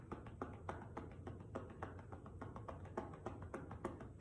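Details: Manual chest percussion (cupping) over the left lower lobe posterior segment, patient prone on a table with a pillow under the chest, for postural drainage; rapid rhythmic hollow claps, about three to four a second, popping not slapping.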